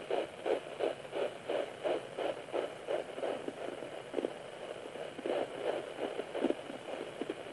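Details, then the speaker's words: Fetal heartbeat on home fetal Doppler at 9 weeks 4 days of pregnancy, about 160–170 bpm: fast, regular galloping whooshes with swishing blood flow and probe-movement noise. "you will hear the baby's heartbeat which sounds like a fast galloping sound you will also hear me moving the doppler to find the heartbeat better and you'll also hear the blood flow that's going to the baby and that sounds like kind of a swishing sound"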